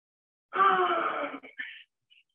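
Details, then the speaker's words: A single deep, groaning gasp of about a second, then a short catch; agonal breathing during cardiac arrest with very low oxygen, a last dying grunt. "rdiac arrests when the patient's oxygen levels are really low and it's almost like their last dying Grant and I do want to play that sound for you"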